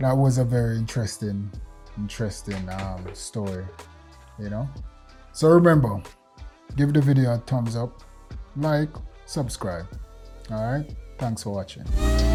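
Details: Adult male speaker; normal speech.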